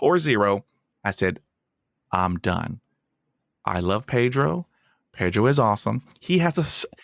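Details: Stuttering in an adult host of a podcast by and for people who stutter.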